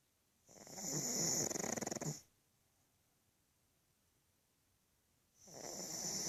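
Loud, harsh, rattling snores with a whistling edge, separated by quiet pauses; noisy breathing typical of a flat-faced dog.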